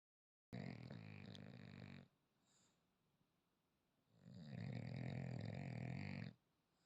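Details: Two long, low, rattling snores from a sleeping French bulldog, with quiet breathing between them; loud sleep snoring.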